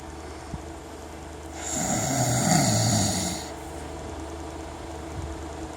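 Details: Adult man snoring while asleep: a single loud, rough snoring breath of about two seconds over steady room hum.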